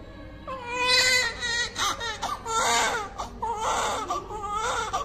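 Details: First cry of a full-term newborn baby boy, 2.8 kg, after normal delivery: loud, high-pitched wailing bursts with brief breaths between, a vigorous newborn cry.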